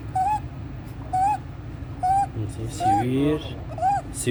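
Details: 14-day-old full-term baby after resolved meconium aspiration: inspiratory stridor with suprasternal and intercostal retractions and severe chest drawing, increasing with crying and feeding; laryngomalacia.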